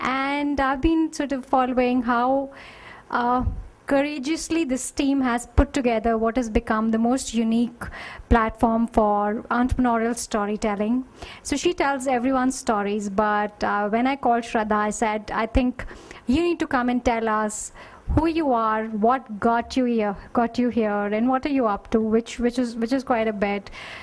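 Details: Adult woman speaking into a microphone; Normal speech.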